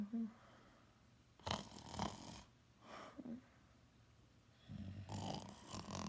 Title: Loud nap+snoring loud